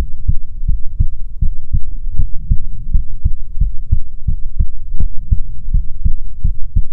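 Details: ASMR heartbeat recording: steady, regular low thumps at about 90 beats a minute, close and muffled; normal heartbeat.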